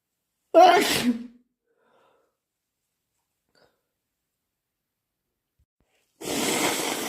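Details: Induced wet sneeze: one loud wet sneeze, a long pause, then a noisy nose blow.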